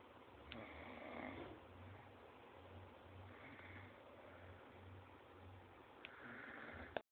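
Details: Asleep: low, rhythmic rumbling snores with faint breathy noise between them in a quiet room; snoring.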